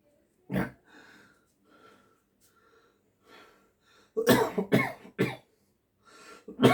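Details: Cough (acted).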